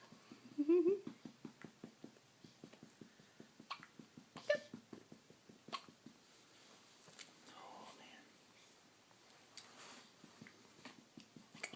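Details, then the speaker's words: Girl with repeated hiccups: a rapid series of short, regular, soft hiccup jerks with faint voices in the background. "you have the hiccups?"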